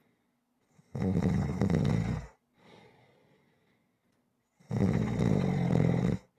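Two long, loud, rough snores on in-breaths with soft breathy exhales between, about one cycle every four seconds; steady snoring.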